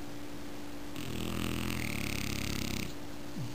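One long, rough, buzzing snore lasting about two seconds over steady background hum; snoring.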